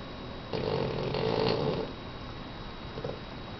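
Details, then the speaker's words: Sleeping dog snoring heavily: one long rattling, purring snore on a breath, then a quieter snuffle, over low room hiss. "baby. You're snoring like crazy."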